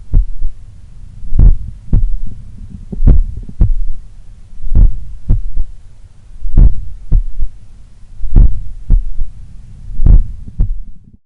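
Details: Slow, powerful heartbeat about 34 a minute recorded at the apex in the morning while lying on the left side; soft low extra sound after the second heart sound, a third heart sound (S3), attributed to blood recoil or a slightly larger/supple left ventricle.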